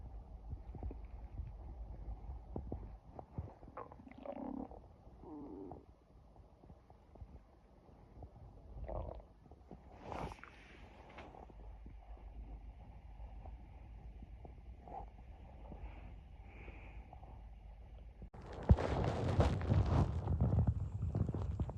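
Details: Low gurgles and rumbles from an adult's stomach, some when hungry and some after eating: ordinary bowel sounds (borborygmi).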